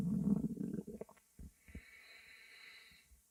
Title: (REUPLOAD) stomach growl